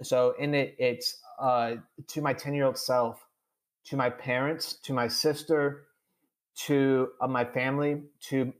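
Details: Adult man who stutters, speaking in a podcast interview: stuttering.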